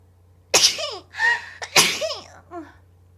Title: [악녀] 갭모에 개쩌는 이 스트리머의 재채기 모음집 | Bad Girl